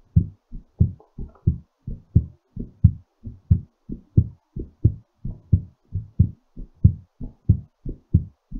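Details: Steady low heart thumps at about 90 a minute, a mildly quickened normal heartbeat while recovering after exercise.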